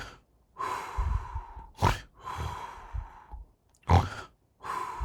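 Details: Animated, not real: a reclining purple ghost snoring while asleep in a reclining chair; slow, loud, rough breaths with harsh snorting pulls on inspiration, about 29 a minute.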